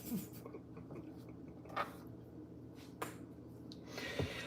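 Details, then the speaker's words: Quiet room with a few brief sharp clicks, one an audible pop of an adult woman's hip slipping back into place; she reports her hip being out of socket: hip joint pop. "Did you hear that pop? Yeah, that was my hip popping back into place."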